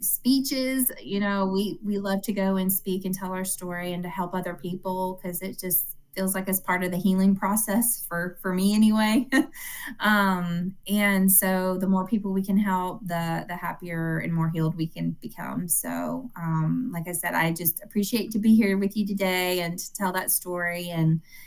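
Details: Adult woman speaking; normal fluent speech.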